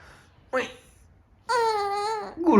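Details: Infant's first cry heard at home since hospital discharge, almost 5 months after tracheostomy surgery, made while wearing a special speaking valve he practises with 2–3 hours daily: a short whimper, then a clearer sustained wail.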